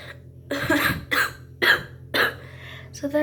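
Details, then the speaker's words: Person sneezing with eyes open: a run of four or five quick, voiced sneeze bursts in close succession. "I need to sneeze right now, so let's see if I can do it."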